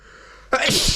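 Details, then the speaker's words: Induced single sneeze by a male performer in a POV roleplay: a quiet lead-in, then one sudden forceful sneeze with a sharp spray of air. "well how was that for a sneeze huh"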